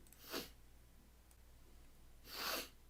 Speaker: uh excuse me i sneezed so now i sound like a coke addict